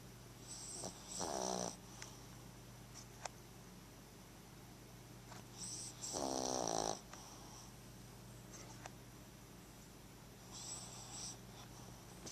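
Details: Poodle snoring, recorded with a Flip Video camcorder: two short, fluttering snores about five seconds apart, with faint breathing and steady room hum between them.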